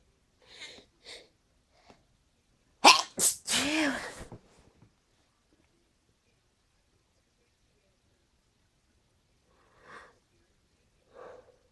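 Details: Teasing sneeze: quiet sniffs and breaths, then a loud burst sneeze with a voiced trailing sound, followed by light breathing.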